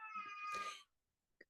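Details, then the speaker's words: Infant crying in the background during a recorded talk, while the baby is with her grandma: a single brief, high-pitched wailing cry, followed by quiet. "Okay, you can hear my little baby crying in the background, but she's with her grandma, so hopefully be all right."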